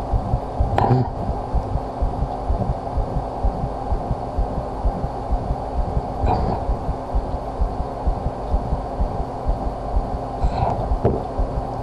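Steady, regular low thumping of a heartbeat picked up against the chest, with a few handling rustles.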